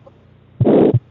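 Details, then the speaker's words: In a newborn cardiovascular exam, one heartbeat carries a harsh, loud whooshing systolic murmur filling the gap between the two heart sounds. It is described as a pathological murmur of hard quality. A brief voice follows. "pathological M pathological Mur p syst mmur or all D mmur are pathological murated with the always pathological it is hard quality you can listen this uh"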